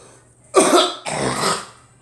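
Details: Person with a chest and sinus infection, cough said to be dry and in the chest; two harsh, loud coughs in quick succession, with a rough, congested quality.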